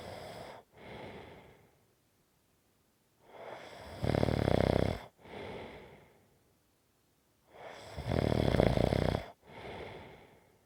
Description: This is a 5 1/2 minute snoring clip. It fades and gets stronger and fades.